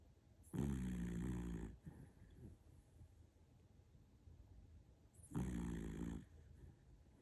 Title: Dog sleep and snores